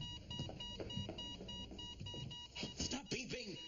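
Steady repeated monitor beeps with voices and music behind them, from a cartoon scene.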